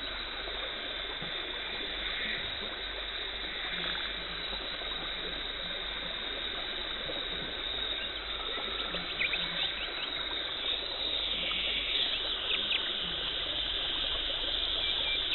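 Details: Continuous high-pitched hiss and whine with water spray and intermittent scraping as a dental hygienist removes tartar and plaque during teeth cleaning; dental scaling instrument sounds.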